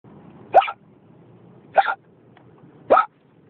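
Three abrupt, voiced hic sounds, a little over a second apart, against a low background hum: hiccups.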